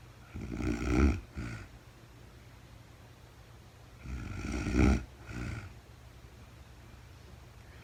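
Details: Real-time recording of a woman asleep at night, no talking, very tired: low, rumbling snores, each followed by a shorter breath out, about 16 breaths a minute; snoring during sleep.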